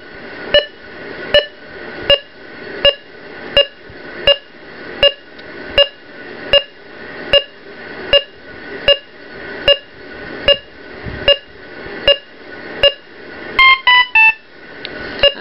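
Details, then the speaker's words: Ohmeda Trustat 3500 pulse oximeter heart rate alarm, low heart rate limit raised to 95 so a rate below it triggers: regular electronic beeps about 79 a minute with a distinct heart rate alarm tone. "I can tell from the tone it's given that for the heart rate they wear his hats are without even coming here to check"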